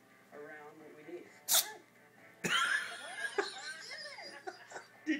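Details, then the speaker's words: Sneeze from a cat, Loki, while high on catnip. "Did you hear that? He sneezed."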